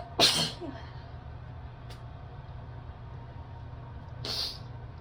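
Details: Two sharp, hissing sneeze bursts about four seconds apart in a quiet room, on feeling chilly after a shower while getting dressed; ordinary sneezing.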